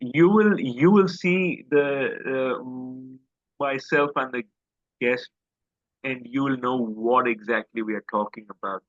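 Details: Adult man who stammers and describes his stammer as quite severe. Finding: stuttering.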